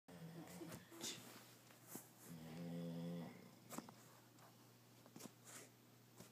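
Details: A single low, rumbling snore over quiet room noise with some clicks and shuffling, during sleep; snoring.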